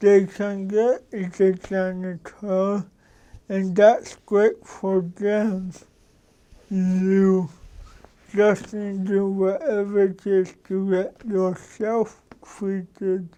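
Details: Adult man with cerebral palsy, a lawyer; dysarthric speech in cerebral palsy.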